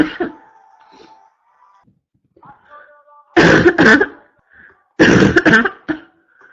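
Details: Constant cough; two loud bursts of harsh, forceful coughing with quieter throat noises between: barking cough.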